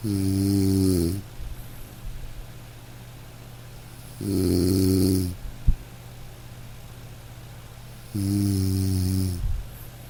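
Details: Sleeping dog: low, buzzing snores about every four seconds over steady soft rain, as in a sleep-aid recording; gentle, ordinary snoring.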